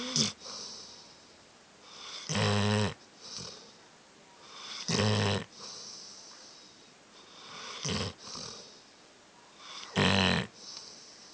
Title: Dog snoring loud